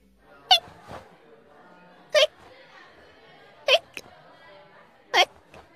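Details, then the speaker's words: Hiccups from the anime Kill Me Baby, episode 2: four sharp, abrupt hiccups at uneven spacing, about forty a minute, over a quiet background. "鬱陶しいなそんなもの長く息を止めていれば治る[音楽]"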